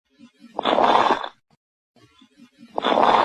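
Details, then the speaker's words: Rough, noisy breaths with a crackling, popping texture heard with a stethoscope, presented as a teaching example of abnormal breath sounds: crackles, brief interrupted non-musical lung sounds. "This is crackles. Interpret non-m musical sounds."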